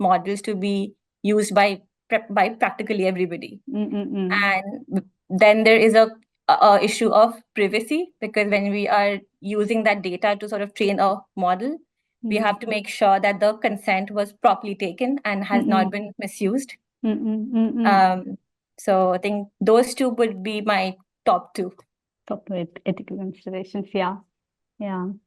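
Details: Stuttering (stammering) in an adult woman, real speech; she reports blocks more pronounced on vowels than consonants, felt as a catch in the throat.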